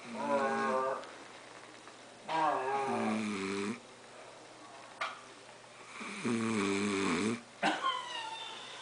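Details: Adult man snoring with tonal, whistling snores on the breaths, separated by quiet stretches with a steady low room hum.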